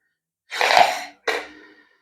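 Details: Two forceful breath bursts, one long and one shorter, drawn through a Respiron Classic low-cost flow-based inspiratory incentive spirometer in a quiet room; demonstration of breathing through an incentive spirometer.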